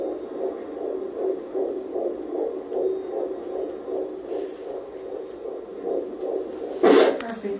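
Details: Doppler at a doctor's office prenatal visit, pregnancy about 14 weeks 5 days: rapid, regular whooshing pulses, roughly 150 a minute, with a brief scrape of probe noise near the end; a healthy fetal heartbeat.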